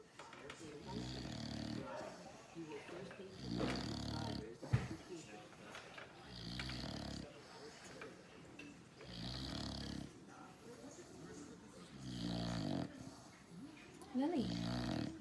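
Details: Female Olde English Bulldogge dog on her afternoon nap: loud, rattling snores, one long snore every few seconds, roughly 14 breaths a minute; snoring.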